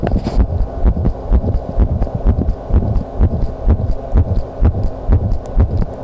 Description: visible heartbeat